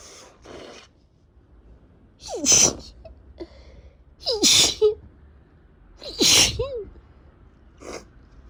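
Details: Person getting over a cold with runny, irritated nose: three forceful sneezes, each preceded by a rising gasp, with sniffs between; part of a prolonged sneezing attack.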